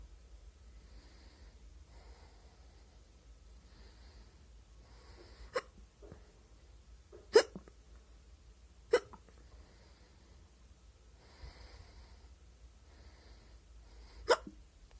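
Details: Four sharp, brief hiccups at irregular intervals, about nine a minute, over quiet room noise, self-recorded during a short five-minute bout in a week of frequent hiccups; ordinary hiccups.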